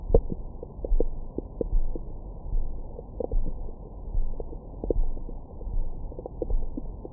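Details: Belly recorded with a Stemoscope stethoscope microphone after a large meal: low rumbling gurgles with scattered short squeaks and pops. Ordinary bowel sounds of stomach growling.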